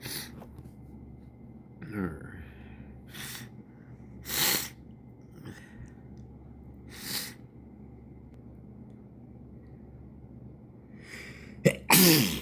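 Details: Several sharp sneezes with sniffles and quick in-breaths between, ending in a loud sneeze; sneezes coaxed out.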